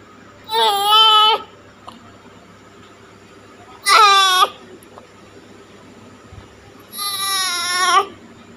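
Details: A newborn's first cry after birth: three loud, high-pitched wailing cries, each about a second long, separated by pauses.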